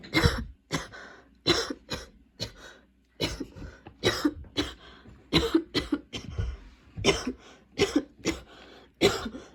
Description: get unready with me as im unpacking from a vacation and getting ready for school while having coughing fits, seriously this cough is soo crazy, gonna ask my doctor for a different medication next time i see her (which should be in about two weeks so thats great)